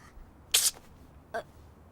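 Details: Cartoon soundtrack (anime Generator Gawl): the character Natsumi, who has a cold, gives two short, sharp, hissing sneezes close together.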